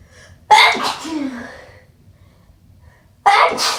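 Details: Two strong, forceful wet sneezes, each a sharp explosive burst, the first trailing into a short voiced tail, with some sniffling and a nose blow at the end.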